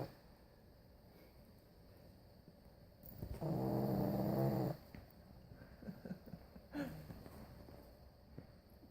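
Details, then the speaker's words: Pug on the day of her surgery: one loud, rattling snore lasting just over a second, with quiet breathing and room noise around it, snoring in a flat-faced dog. "Peggy surgery day she's snoring I'm gonna wake her up"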